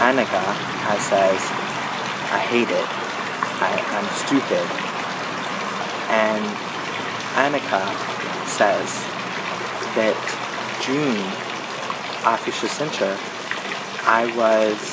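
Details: Adult man with aphasia following a stroke, previously unable to say his name, now a graduate of intensive aphasia therapy; aphasia.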